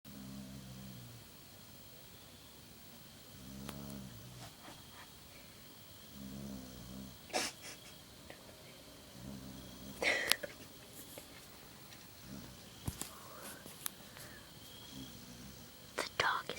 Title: Snoring dog lol